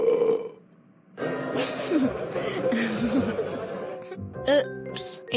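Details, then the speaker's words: Simulated burp in an animated comedy skit: a cartoon boy gives a long, drawn-out burp in class while the teacher talks, heard over background music. "excuse me how dare you burp in class that's it I have no choice but to send you to the principal's office"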